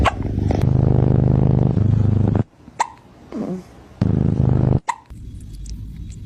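A few brief, sharp hiccup clicks at irregular intervals over loud, low, steady purring; kitten hiccups.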